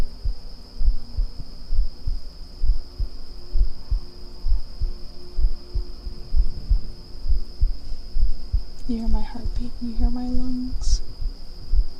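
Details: Regular low heartbeat thumps at about 66 beats a minute in an ASMR stream, with loud crickets outside giving a steady high tone behind them.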